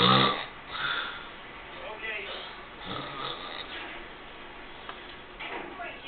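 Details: Sleeping man snoring, being recorded: rough, irregular snoring noises with a noisy room background.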